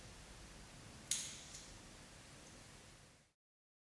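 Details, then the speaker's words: Miflonide capsule in an Aerolizer inhaler, punctured by pressing the two buttons at the bottom: a single sharp crack in a quiet room confirms the capsule is pierced and ready to inhale. "now press the two control buttons at the bottom and briefly to puncture the capsule which is verified by a cracking noise"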